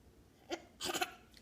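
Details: Two short, sudden catching sounds in quick succession; hiccups.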